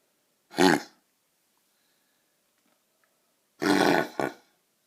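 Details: Golden Retriever puppy with kennel cough, caught from a neighbour's dog, recorded on the first night of illness: harsh, honking coughs in short bursts.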